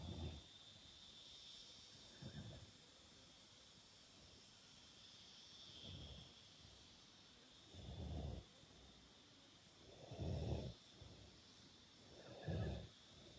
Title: Cow falls asleep and snores on Fiona's arm!